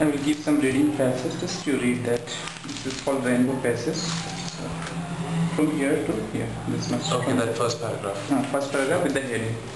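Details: Adult male speech therapist; typical speech.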